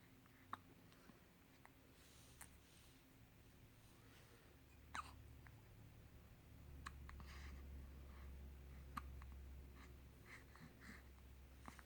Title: Another case of the hiccups